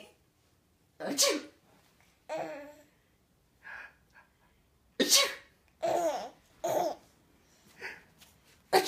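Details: Several explosive sneezes with a child's laughter at the sneezes in between; ordinary sneezing.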